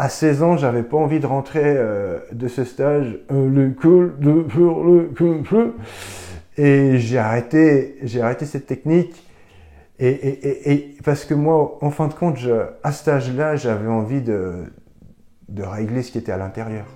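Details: 42-year-old man with long-standing severe stuttering who now barely stutters; attended a fluency-technique course as a teen, then stopped; some repetitions still audible; stuttering.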